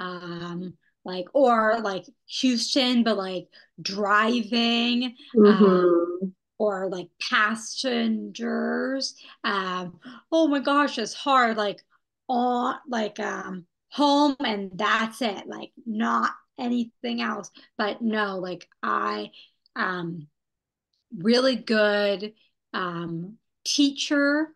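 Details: Young woman who had a stroke at age 27, after intensive rehabilitation; non-fluent, telegraphic speech with missing words, public speaking especially hard; non-fluent aphasia.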